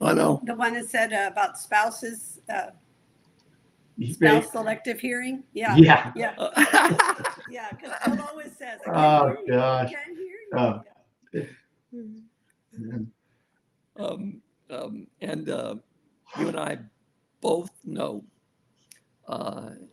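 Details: Aphasia in an adult male stroke survivor after a severe stroke, following over a decade of rehabilitation.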